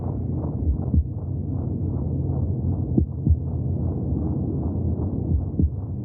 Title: 30 minutes of heartbeat sounds from the womb for welcoming extraterrestrial life